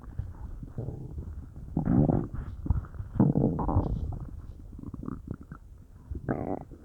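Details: Low rumbling and gurgling with louder bubbly surges and brief squeaks from a person's belly, stomach or intestines uncertain, whole belly felt bubbly; bowel sounds (borborygmi).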